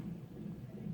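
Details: Fetal heartbeat on a Doppler monitor of a pregnant woman in hospital after a 70 mph car crash, with Braxton Hicks contractions; low, muffled rhythmic whooshing pulses amid background noise.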